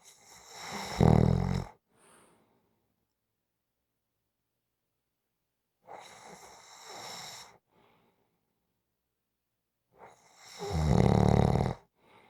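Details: Snoring in a quiet room: deep, rough snores on the in-breath with a softer breath out, roughly every five seconds, about 12 breaths a minute.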